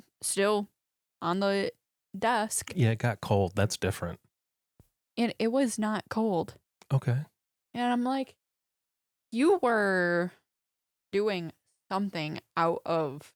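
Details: Aphasia in a young woman after a stroke at age 14, 11 years earlier, with right hemiparesis, vision impairment and 8 head surgeries; speaking in podcast conversation.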